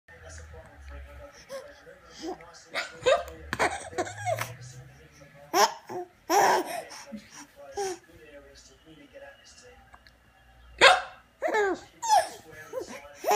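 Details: Child with hiccups: short, abrupt voiced catches recurring between laughs and babbling.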